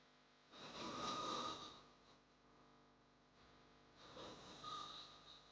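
Two loud, rough, rattling snores on inhalation separated by a quiet pause; a sound-effect recording of heavy snoring.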